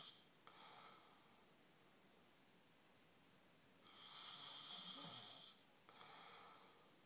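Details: Snoring during sleep in a hotel room: soft, hissing snoring breaths with a brief rattle at the peak, heard faintly in a quiet room.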